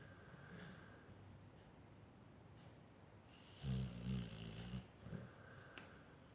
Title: Millionaire dog - nuna snoring